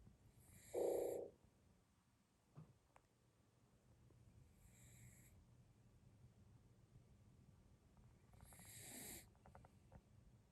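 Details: Soft snorting breaths about every four seconds, roughly 15 a minute, with one louder snort and faint room noise: snoring.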